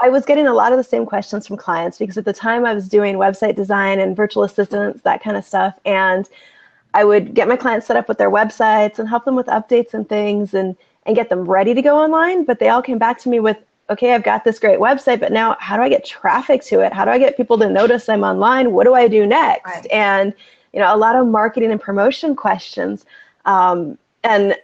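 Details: Adult woman speaking; typical speech.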